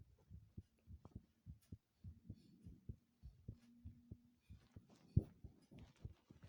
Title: intense heartbeat sounds (seriously intense*)